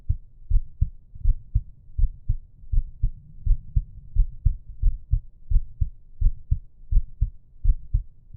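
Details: Steady low heart thumps at about 86 beats a minute, with soft breathing underneath: normal resting heartbeat and breathing sounds.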